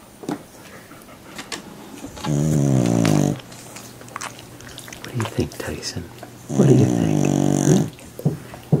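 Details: Tulip, a dog, snoring: two long, low rattling snores about four seconds apart with quiet room noise between.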